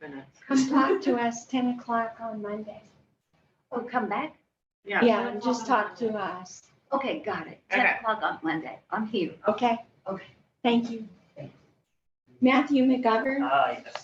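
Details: Adult speaker, likely female, in a meeting; ordinary speech.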